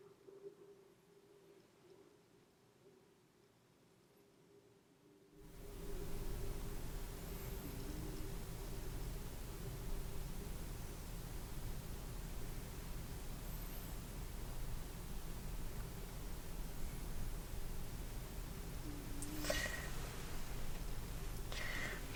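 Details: Stethoscope placed first at the right lower quadrant (ileocecal valve) during an adult abdominal exam; low rumble with brief watery gurgles and squeaks heard at once: hyperactive bowel sounds, suggesting hunger, considered normal here.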